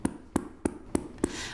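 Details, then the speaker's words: Cupped-hand manual chest percussion (chest physiotherapy) for airway clearance in a child with cystic fibrosis, demonstrated as training: five evenly spaced hollow popping claps about every 0.3 seconds, the popping that signals correct technique to move mucus. "you're doing it correctly you'll hear a popping sound that creates movement of the mucus and cilia in the lungs"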